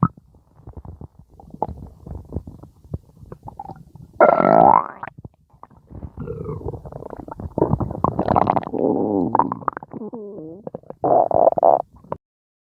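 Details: Gurgling, squeaky and rumbling abdominal noises in irregular bursts, typical of ordinary stomach growling (borborygmi).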